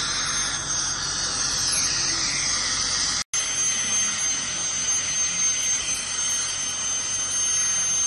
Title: Dental Scaling Clean Airflow Dental Hygiene 1